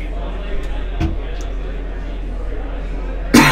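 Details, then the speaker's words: Steady room hum with a couple of faint throat sounds, then a sudden harsh cough burst at the end from a speaker who says they are a little sick. "I am a little sick guys sorry about the coughing if you hear it trying to keep it at a minimum"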